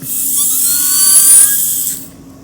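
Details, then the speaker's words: Dental drill with a half round bur cutting a pilot hole about 1 mm into dentin on tooth number 30, a two-tone teaching tooth prepped for pin placement in a dental student tutorial: high-pitched whine for about two seconds, then winding down. "So what I'm going to do first is I'm going to make what we call a pilot hole. We're going to use a half round burr, and I'm going to create a divot."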